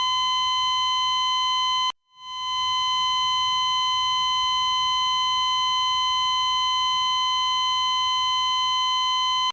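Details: Steady high-pitched continuous monitor tone that briefly cuts out once before resuming; a simulated glitching cardiac monitor flatline alarm.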